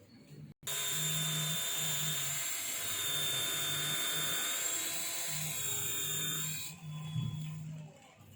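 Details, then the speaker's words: Dental implant osteotomy drilling on a bone model with initial and tapered drills, minimal-drilling technique for a self-expanding implant: high drill whine for about six seconds, then stopping, over a low hum. "These are the two drills I have used. This is initial drill. This is a tapered drill actually."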